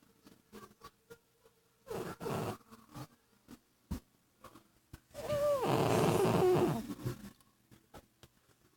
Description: This is a cat snoring